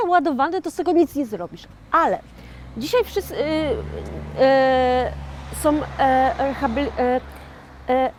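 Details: 41-year-old woman who had a stroke in 2009, speaking years later as a stroke survivor with aphasia; aphasia after stroke.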